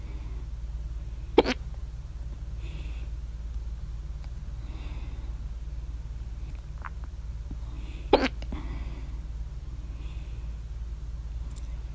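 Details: Hiccups at 3:04 a.m. after overeating at dinner, mouth alternately closed and open (loudest hiccup with mouth open): two sharp, sudden hiccups about seven seconds apart over low room hum.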